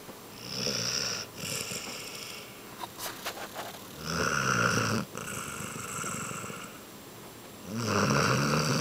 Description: Lilly is our little princess snoring Basset Hound. She is so girly but when she sleeps the beast comes out! lol